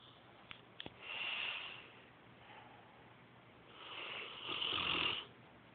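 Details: Light snoring during sleep: two hissing, whistly breath sounds a few seconds apart after a couple of clicks, mostly airy with little low rumble.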